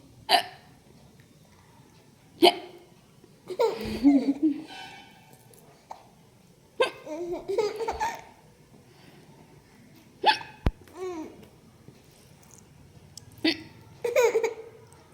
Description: Baby Giggling with Hiccups